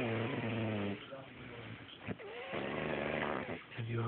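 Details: Long, loud, fluttering, groaning heavy snores separated by brief quieter breaths, from a man sleeping in a hotel-room bed; later sounds said to mimic flatulence; snoring.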